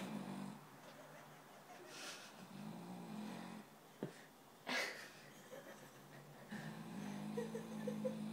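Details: Low, drawn-out rumbling breaths with a couple of snorting bursts in a quiet room from a dog asleep on the sofa, loud enough to hear across the house: dog snoring.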